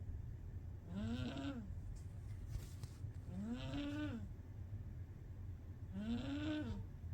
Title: Loudest kitty snores ever!! Lol! #cuteanimals #cats #kittysnores